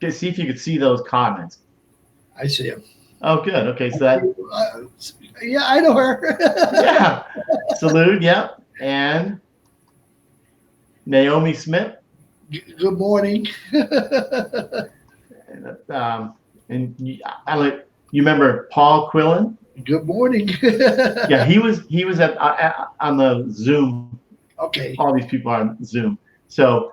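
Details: Adult man, stroke survivor, with Broca's aphasia for over 8 years since a stroke in March 2011; speech limited to short utterances, laborious word-finding, verbs harder than nouns; Broca's aphasia.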